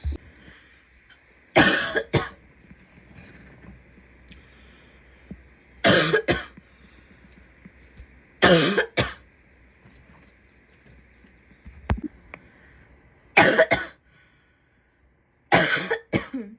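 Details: Female coughing: five separate harsh cough bursts, mostly double, spaced a few seconds apart over quiet room hum.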